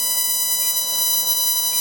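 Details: Steady high-pitched electronic tone with faint background music: a CO2 surgical laser firing during bloodless lower-lip reduction, excising mucosa, on a Caucasian patient.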